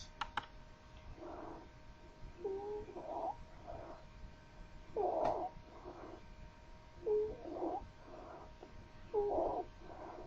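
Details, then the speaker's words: Rapid breaths with high, musical whistling on breathing out, from obstructed small-calibre bronchi in lower airway obstruction; wheezes. "pertenece al síndrome de obstrucción de la vía aérea inferior y lo vamos a encontrar entonces en bronquitis bronquiolitis y muy importante si es unilateral pensar siempre en cuerpo extraño escuchemos sibilancias"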